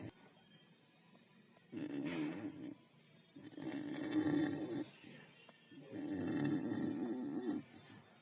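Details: Beagle snoring: three long, rumbling snores about every two seconds, roughly 25 a minute, with quiet pauses between breaths.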